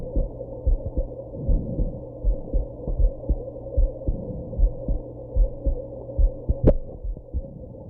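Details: Steady low thumping heartbeat at about 76 a minute over a steady hum after drinking some alcohol and smoking, with one sharp jolt near the end during a bout of hiccups; heartbeat.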